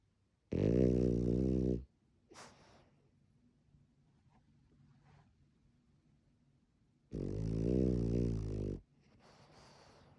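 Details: Two loud, buzzing, rattling snores about five seconds apart, quiet breathing between, from a female French bulldog sleeping in her owner's arms with eyes open; snoring.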